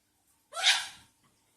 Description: Koko (Patagonian conure) sneeze.